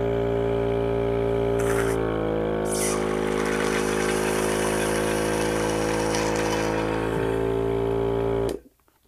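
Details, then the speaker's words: An S-SCORT III portable EMS airway suction unit runs, rated over 30 L/min airflow and over 525 mmHg negative pressure: a steady loud motor hum with a constant buzzing tone for several seconds, then cuts off. "escort 3 is powerful pulling more than 30 liters per minute airflow and generating in excess of 525 millimeters of mercury negative pressure"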